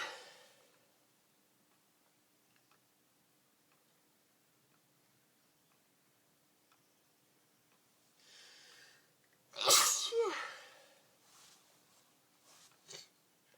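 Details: Early-morning sneeze attack while putting clothes together: quiet room, then a run of breathy inhalations building to one loud sneeze, followed by a few softer after-sounds.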